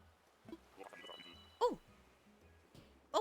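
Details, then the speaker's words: Two short, sharp, big sneezes from a pet, described as sounding like a horse, with soft game music in the background. "bless you. That was such a big sneeze. You okay?"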